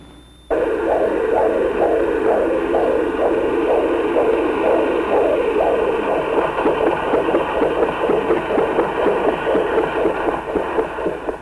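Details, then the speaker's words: Strong, healthy fetal heartbeat during natural Lamaze labor with a first child, before the 7th hour: rapid rhythmic whooshing pulses, about 120 to 140 a minute, on a fetal heart monitor. "From his darkness, our child spoke in the most gratifying language, a strong and healthy heartbeat."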